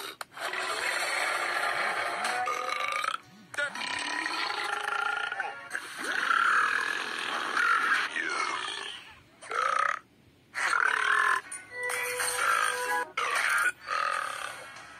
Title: 30 second of burps